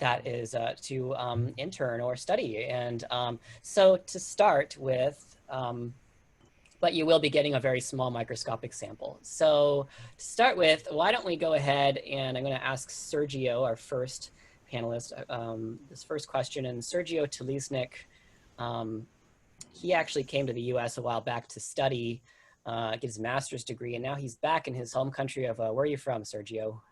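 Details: Adult male speaker; Typical speech.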